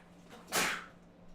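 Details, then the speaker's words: A single sharp, hissing sneeze from an adult during a live tabletop-game stream, over low room hum. "did you guys hear that sneeze bless you yep they heard it"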